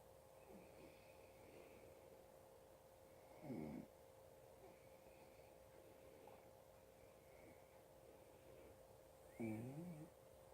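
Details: Adult man, the recorder's father, snoring in his sleep: two short, low snorting snores with soft breathing between, over a steady hum; snoring.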